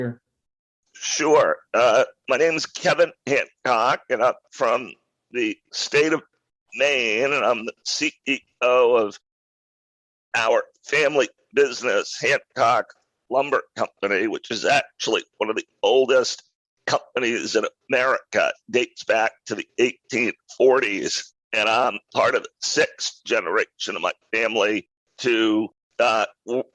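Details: Adult man with a rare neurological voice disorder acquired in 2012 that made speaking difficult, still audible in his speech today; neurological voice disorder.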